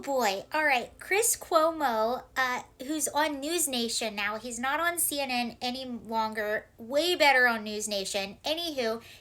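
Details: Young woman speaking; Normal speech.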